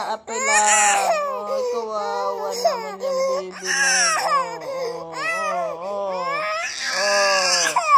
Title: Crying baby